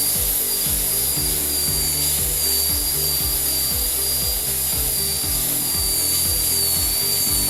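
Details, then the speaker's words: High steady whine of a dental drill with low grinding scrapes as a carbide bur cuts an endodontic access opening in a lower molar of a simulation model tooth; dental handpiece drilling. "di dalam melakukan eh pembukaan aks openening kita bisa dibant juga sama tip Ultrasonic dan bisa juga kita menggunakan bor suur karbida"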